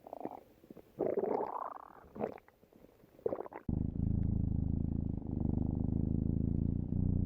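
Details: Stomach growl in a love-story scene: soft gurgles and squelches, then a sustained low rumbling growl from the belly.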